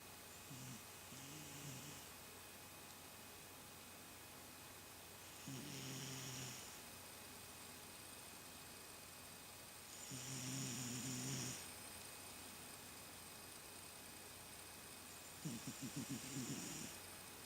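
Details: Male sleeper snoring: four regular buzzing snores about every five seconds, around 12 a minute, over a steady background hum; rhythmic snoring during sleep.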